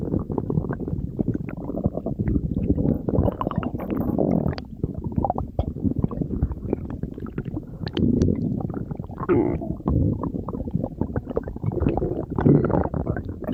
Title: stomach growling